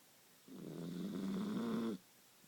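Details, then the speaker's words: Sleeping Dachshund snoring the day after eating cupcakes: a single drawn-out, rattling, slightly tonal breath sound lasting about a second and a half. "nora's very sleepy she's a very snorri dog she's digesting all those cupcakes she ate yesterday"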